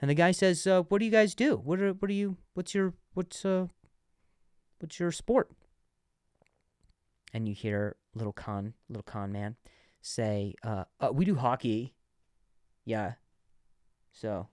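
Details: Adult male comedian who stuttered and still sometimes stutters, less than before, and has worked with a speech therapist, speaking on his own podcast; stuttering.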